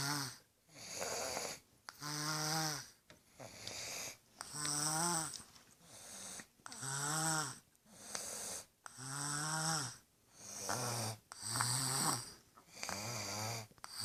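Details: Rhythmic, rattling-buzzy snoring from a sick baby boy, about 25 breaths a minute, with noisy sounds on each breath.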